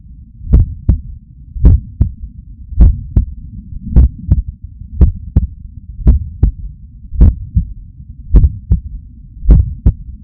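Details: Forceful heartbeat recorded with a Stemoscope stuck to the chest under a shirt, after waking up stressed with the heart pumping hard and arm veins visible.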